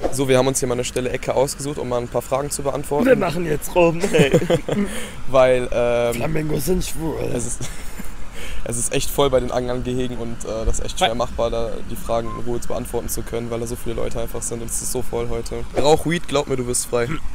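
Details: Adult male speaker; ordinary speech.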